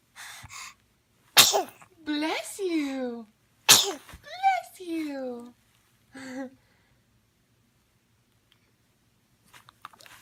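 Two forceful sneezes, each a sharp explosive burst followed by a falling vocal trailing sound, then a brief softer sound; sneezing.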